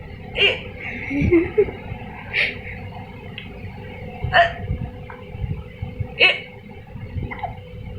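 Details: Baby hiccuping while still playing: brief, sharp catches about two seconds apart, four in eight seconds, over room noise and murmuring voices; infant hiccups.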